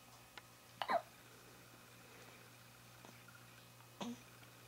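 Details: Newborn less than a week old with hiccups: two soft, sudden, clear hiccups about three seconds apart in a quiet room.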